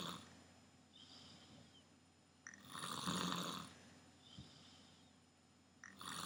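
Rough breathing in and out with a loud rattling snore about every three seconds; ordinary snoring during sleep.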